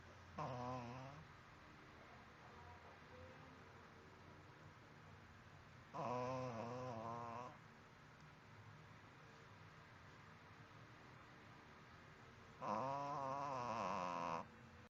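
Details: Dog snoring, recorded on a mobile phone: three long, rattling snores spaced about six seconds apart against quiet room noise. Snoring.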